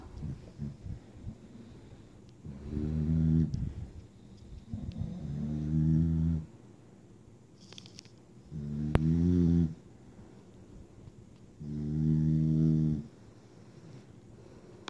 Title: snoring 2/28/16